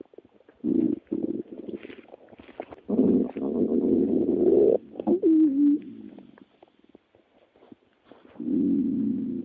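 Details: Low gurgling rumbles with a squeaky rising-and-falling tone in the middle; stomach growling (borborygmi).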